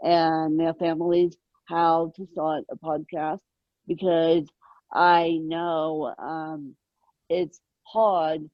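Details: Adult woman born with moderate ataxic cerebral palsy, mid-spectrum, caused by lack of oxygen at birth, needing 24-hour care; ataxic dysarthria.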